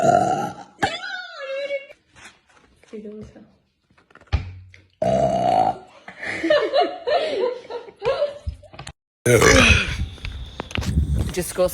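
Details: Compilation of several girls burping: loud, drawn-out belches from different people, with short talk and laughter between them.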